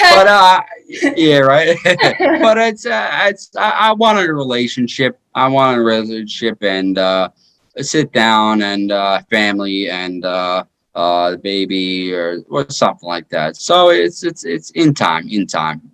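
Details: 33-year-old man with aphasia after a stroke in 2019 that followed repeat heart surgery; aphasia.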